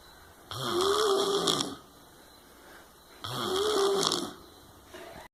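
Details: Sleeper recorded on 2 May 2019: two long, rattling, tonal snores on inhalation, with quiet pauses between; snoring during sleep.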